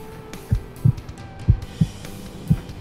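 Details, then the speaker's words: Low thumping heartbeat, about 90 a minute, over faint background hum, heard by the presenter through a stethoscope on himself in the back of an ambulance in a children's video; described as healthy. "Yeah, that's my heart beating. I'm nice and healthy."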